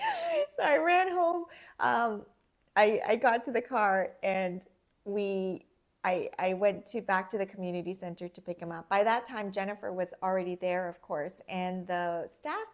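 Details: Adult woman speaking; ordinary speech.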